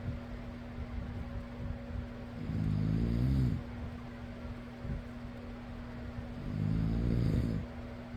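Two slow, low rumbling snores on in-breaths about four seconds apart, over a steady fan hum.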